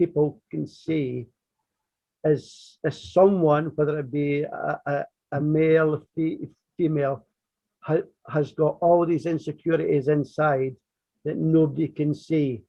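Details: Adult who stammers, describing his own stuttering journey in conversation; real, not acted: stuttering.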